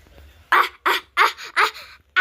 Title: 4 million sneeze